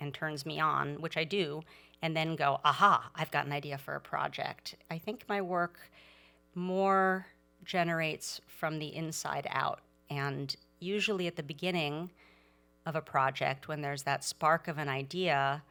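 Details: Adult woman speaking; ordinary speech.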